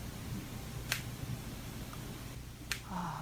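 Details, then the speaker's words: Real patient's knee sound: two sharp, separate clicks over a low steady hum as the knee joint moves, described as a "ttak-ttak" clicking, contrasted with the crunching of meniscus cartilage tears; knee joint clicking. "이제 뭔가 딱딱딱딱 예. 그런 느낌이 드네요."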